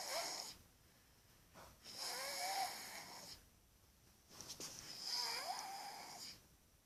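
Two loud, rough snores with a whistling, wheezy edge on each breath, separated by quiet pauses; snoring during sleep.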